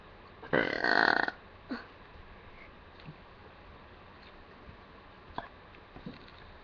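One loud, voiced belch lasting under a second, followed by faint clicks and room noise. A single burp.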